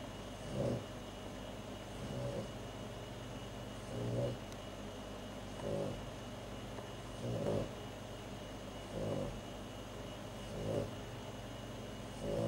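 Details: Soft, regular snoring breaths, about 37 a minute, each a brief low rattle over a steady background hum.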